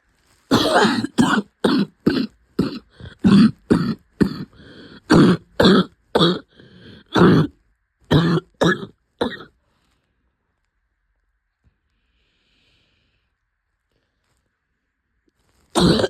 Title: Weeks of coughing